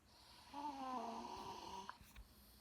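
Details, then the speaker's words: Cousin snoring very loudly during sleep, said to sound like an elephant: one loud, drawn-out, buzzing snore on breathing in, then a brief snort. "This is my cousin snoring. He snores really loud. It's just loud. So loud."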